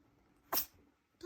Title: Phoebe the CH Kitty sneezes!